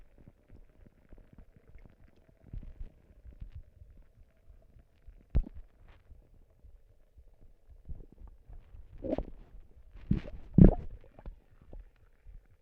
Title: Stomach noises and and a burp at the end for you guys